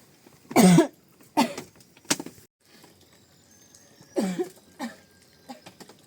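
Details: About six harsh coughs in two short runs over six seconds in a quiet room from a woman who cannot stop coughing while a man takes her 3-year-old child to school; persistent cough.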